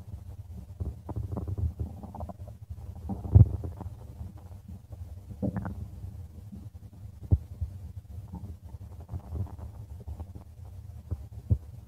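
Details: Stomach of a person: continuous low gurgling and rumbling with occasional louder pops, ordinary stomach growling (borborygmi).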